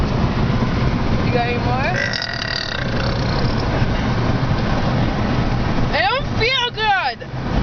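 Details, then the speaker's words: Person burping in a car while feeling nauseous, one of many burps: short voiced belches over steady engine and road noise. "I'm either going to throw up or burp that was a burp not a throw up that's it"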